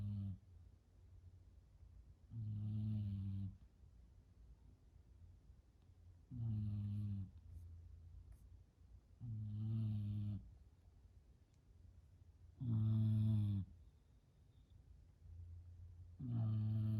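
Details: Sleeping female, not woken even by a sneeze, gives low rumbling snores on each breath in, about 18 a minute, with quiet pauses between; ordinary snoring.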